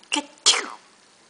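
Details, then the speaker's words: Young child, recently photographed for 12-month pictures, who has been doing playful fake sneezes, asked to sneeze: a quick breath in, then one sharp, hissy sneeze burst; a single sneeze, likely fake. "what are you doing I want you to sneeze can you sneeze oh yeah what language was that"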